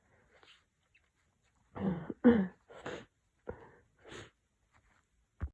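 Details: A rapid run of several sneezes with sharp bursts and short gasps between them; a sneezing fit during a cold.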